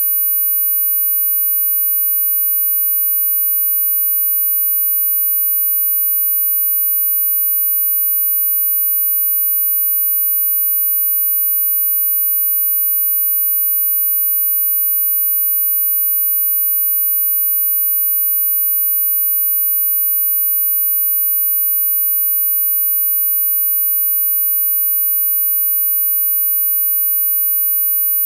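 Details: Simulated tinnitus masking sound: a steady, very high-pitched 13500 Hz pure sine tone ringing without change, imitating constant tinnitus ringing; not medically verified.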